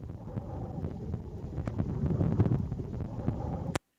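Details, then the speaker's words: Deep-learning-generated synthetic respiratory sound, compared with real ICBHI dataset samples, with a different background: low rumbling and scattered brief pops representing lung crackles. "그리고 이제 저희가 생성한 사운드입니다 백그라운드 조금 다르게 [음악] 들리시죠 이건 크래클 그리고"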